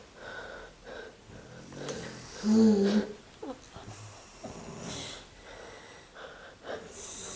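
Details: An adult woman (the uploader's mother) snoring with an unusual pattern: loud, irregular snorting and rattling breaths with squeaky, whistling noises in between.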